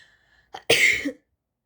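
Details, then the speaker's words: Brother sneezing: a short intake of breath, then one sharp explosive burst of air through nose and mouth; a single sneeze. "everyone today i'm gonna film my brother i'm gonna record my brother when he's sneezing so yeah let's get started"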